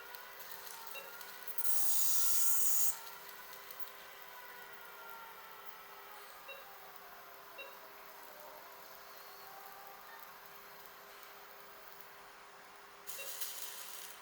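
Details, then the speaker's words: Phacoemulsification handpiece during direct chop of a grade 2 soft nucleus, using very low power: soft steady rasping hiss with louder bursts. Elderly man with pseudoexfoliation and a non-dilating small pupil; gentle manoeuvres protect the zonules, with a BHEX ring inserted. "So my plan is to perform a direct chop here. The tip is buried into the substance of the nucleus, the chopper goes down vertically, and then there is a lateral separation maneuver."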